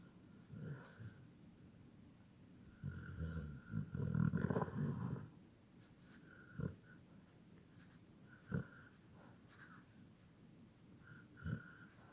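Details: Dog snoring: snorting, rattling snores with short puffs and snuffles between breaths, much like a person snoring.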